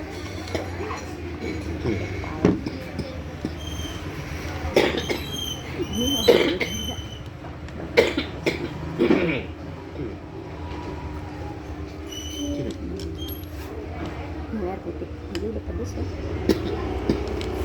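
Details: Several sharp, forceful coughs in bursts, with room noise and movement; an ordinary cough that started while eating ramen.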